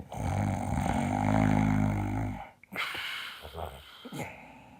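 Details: Simulated snoring in an acted comic sketch of someone asleep: a loud, rough, rattling snore lasting over two seconds, then snorts and breathy sounds.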